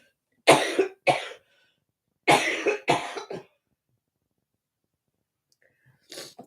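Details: Cough from an adult with a bad cold, cough and chest infection, heard during a live crafting stream.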